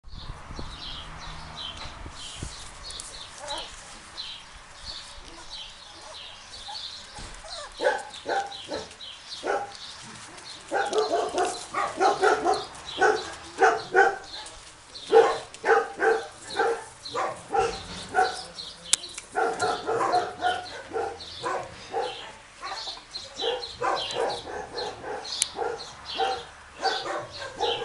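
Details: Several dogs making repeated noisy, whistling breaths, about 40 a minute; wheezing.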